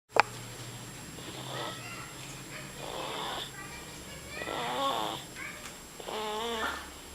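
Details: Snoring in a 2-month-old infant girl: soft, noisy breathing with light snoring on each breath in a quiet room.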